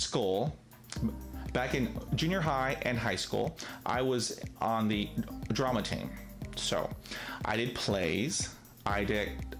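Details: Adult man with real stuttering, present every day; he reports being told he does not stutter after drinking alcohol and did not stutter when acting a character in high school: stuttering.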